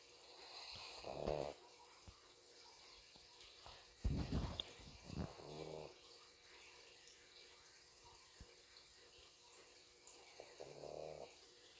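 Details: Pug snoring while sleeping with eyes open: irregular snorting snores with a buzzing, whistly edge, several in quick succession, then quiet.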